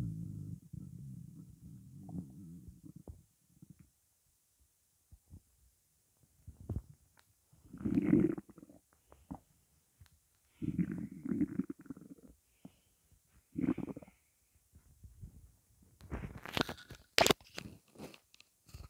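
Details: Intermittent low rumbles and gurgles with scattered squeaks and pops, recorded over 12 minutes of hunger with only water in the stomach; borborygmi.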